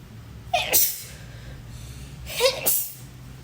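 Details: Two induced sneezes, each a quick in-breath then a sharp burst, brought on with help; ordinary sneezing.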